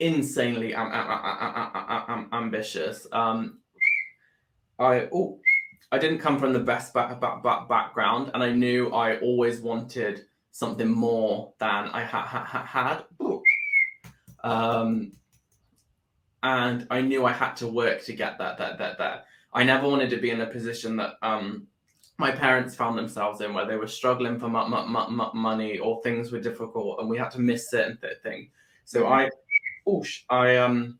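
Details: Adult man with Tourette syndrome that began about four years earlier after seizures and brain swelling, with motor and vocal tics and a stammer that followed a loss of speech; vocal tics (whistling) with stammering.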